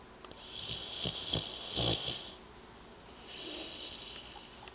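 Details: Boxer dog sleeping comfortably and snoring: two long, noisy, rattling breaths of about two seconds each.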